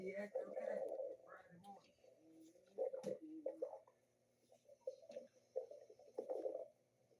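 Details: Stomach growling: irregular gurgling, squeaky rumbles with rising and falling pitch; borborygmi.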